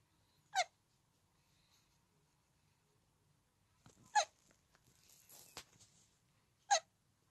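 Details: Hiccups: three brief, sharp, squeaky bursts a few seconds apart with quiet between them.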